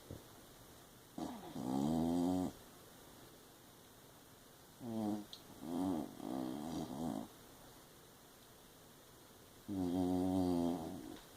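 Repeated rumbling, throaty snores from a sleeping dog, some broken into short bursts, with quiet pauses between them.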